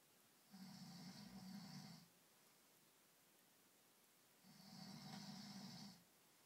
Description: What a fat plumber sounds like after some wine